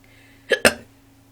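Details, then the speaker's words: Hiccups in a sober person who gets them about once a year and says they came out of nowhere: two quick, abrupt gulping catches in the throat, close together, which the person likens to tiny burps. "they sound like burps they're like little tiny bursts of surprises and I guess that I get them like once a year so it's really weird that I have the hiccups right now"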